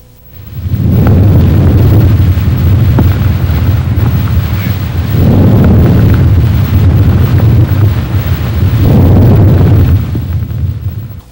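Soft, low rustling breath sounds swell and fade about three times, roughly 16 breaths a minute, with no added noises: normal vesicular breath sounds. A brief unrelated sound ends the clip.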